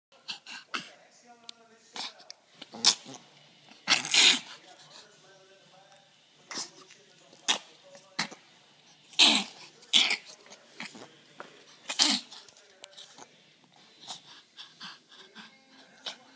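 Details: A dog gives a series of sharp, harsh coughing bursts with snorting sounds between them, recorded for the doctor: coughing.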